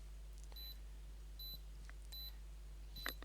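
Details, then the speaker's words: Beeping from a portable ECG recorder taking a reading in an adult diagnosed with atrial fibrillation who feels his heart irregular: short high beeps about every three-quarters of a second over a low hum. "so the beeping you here is that reading and it's going to love this"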